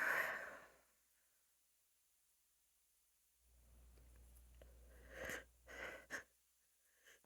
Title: Stifled sneezes attempt #sneeze #female